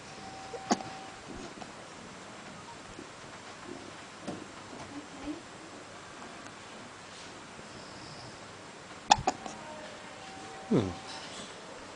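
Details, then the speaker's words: Newborn baby boy with hiccups: a few soft, sudden, widely spaced hic sounds in a hushed, noisy room; adults talk of scaring him to stop them. "We've got the hickety hiccups. You should hold him, babes. Should I try and scare him? Maybe he'll get rid of his hiccups."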